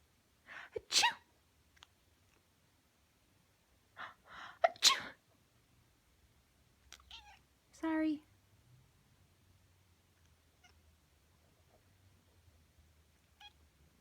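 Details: Person sneezing, several short, sharp sneeze bursts, followed by brief meows from Phoebe, a black cat bathing herself; faint room noise.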